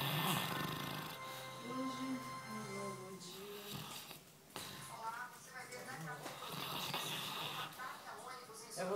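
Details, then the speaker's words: A sleeping pet dog snores; the owner suspects he is dreaming. "Olha, ele tá roncando. Ele tá sonhando com você que tá te matando."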